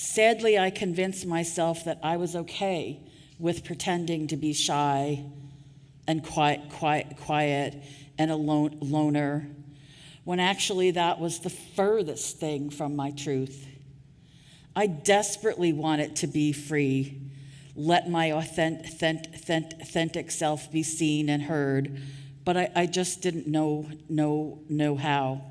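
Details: Adult woman with stuttering, covert for years before she began speaking openly about it; real, not acted, during a keynote address: stuttering.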